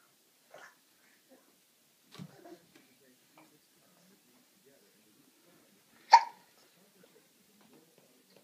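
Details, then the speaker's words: Hiccups in a quiet room: a few short, abrupt gulping sounds and one sharp, louder hic; hiccups. "Somebody had the hiccups."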